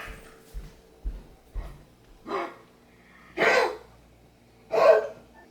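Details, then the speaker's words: Dog with kennel cough gives a run of harsh, hacking, retching coughs, sounding about to vomit; coughing like this all day without throwing up. "You sound so bad. It sounds like he's gonna throw up, but he's been doing that all day and he hasn't. And it's just kennel cough."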